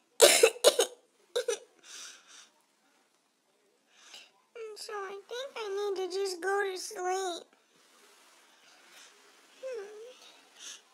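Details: Someone with a bad cold coughs, saying they don't feel good and need to sleep.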